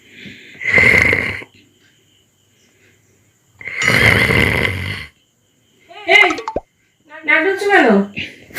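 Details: Acted snoring in a Bengali comedy drama, a husband snoring in bed: two long, harsh, rattling snore-like noises, then brief vocal sounds.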